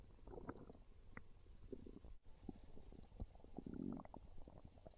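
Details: Low, soft gurgling and rumbling from the belly with a brief louder gurgle; ordinary hunger stomach growling (borborygmi), described as craving pizza.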